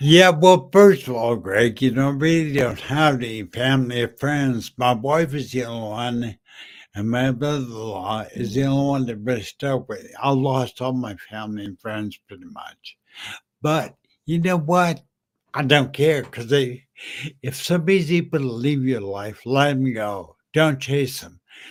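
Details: Adult man with slurred speech after a stroke in September 2015, which also caused aphasia and short-term memory loss; dysarthria.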